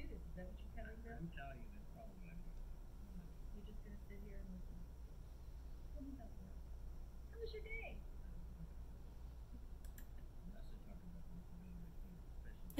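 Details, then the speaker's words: Simulated severe hearing loss with half of the loss restored: a man-woman conversation sounds muffled and faint, with few clear consonants. "now I'm just gonna for example take this down to half the hearing loss and present loud talkers again so here's half the entered hearing loss"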